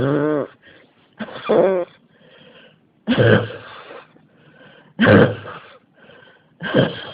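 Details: Persistent cough that will not stop: five forceful cough bursts in about seven seconds, some with a voiced, whooping tone, coming in repeated bouts.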